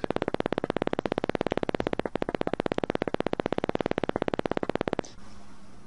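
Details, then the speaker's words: Simulated routine concentric needle EMG: a rapid, steady train of crisp repeating clicks from motor unit potentials. Each sums single-fiber potentials within 2 mm of the tip and stays nearly constant in shape across consecutive discharges. "This electrode now is recording an action potential that is the sum of the individual single fiber action potentials from fibers within 2 millimeters of the recording tip, but fibers outside do not contribute significantly. At consecutive discharges, the motor unit potentials are rather constant in shape."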